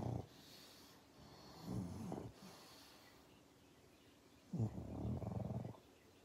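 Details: A sleeping pug, a flat-faced dog, snoring: irregular low snorting snores on each breath in, over quiet room noise.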